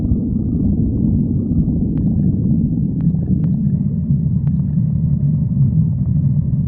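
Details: Stomach growling (borborygmi).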